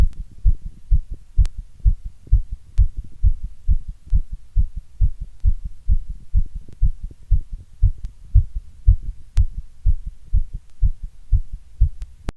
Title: My strong heartbeat sound❤️